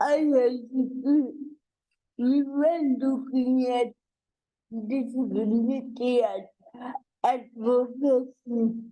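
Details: Dysarthria in an adult woman with cerebral palsy, a real speaker.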